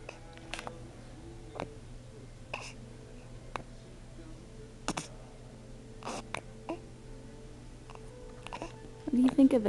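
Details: Penelope waking up with hiccups.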